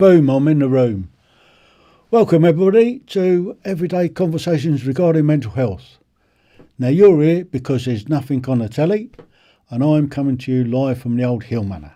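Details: Adult male speaker; ordinary speech.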